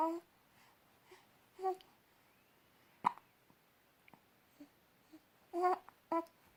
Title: Baby Hiccups